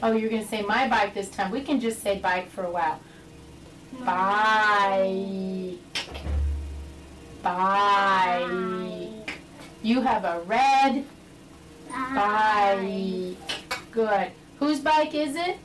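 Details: Adult speech-language pathologist; normal adult speech.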